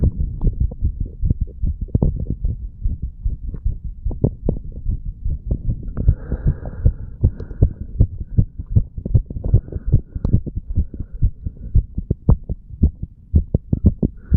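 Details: 35-year-old male after pull-ups and breath holds, stethoscope over mitral and tricuspid valve areas: quick, steady lub-dub heartbeats, heart beating faster; normal heart sounds after exercise.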